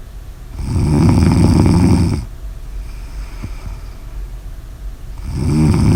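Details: Heavy snoring: loud, low, rattling snores on in-breaths about four seconds apart, with quieter breathing between.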